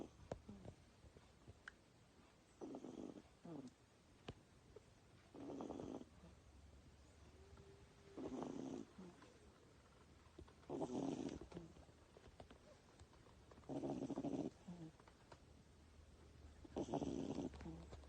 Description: This sweet little Miniature Dachshund puppy is almost eight weeks old and snoring like a little bear!